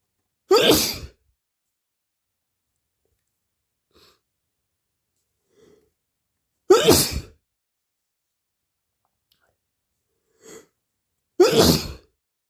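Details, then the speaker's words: Person with a cold: three loud, explosive sneezes several seconds apart in a quiet room, with faint sniffs between them. "Bless me. And sneeze. And I need to sneeze."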